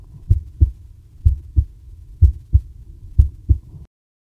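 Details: Recording from the Les Archives du Cœur heartbeat archive (Teshima, Japan): regular paired lub-dub heart sounds at about 63 beats a minute, steady rhythm, no added sounds; normal heartbeat.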